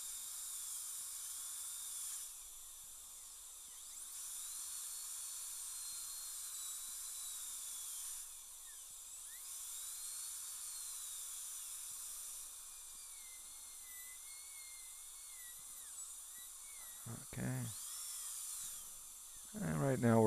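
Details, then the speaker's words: High steady whine of a high-speed dental handpiece in bursts with pitch dips and brief clicks, gently removing composite from an upper all-on-4 implant prosthesis with fractured denture flange; dental high-speed handpiece. "and just going to just gently ever so gently remove the composite"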